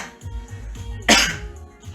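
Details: A single short, sharp adult cough over background music, an ordinary isolated cough.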